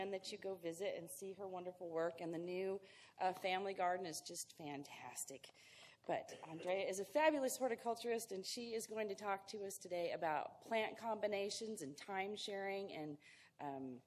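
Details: Adult woman; normal speech.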